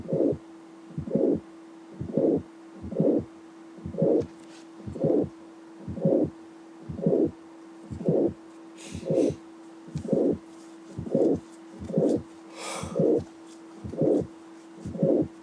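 Regular heartbeat about 59 a minute: loud first sound, mid-systolic click and murmur, over a steady background hum; mitral valve prolapse.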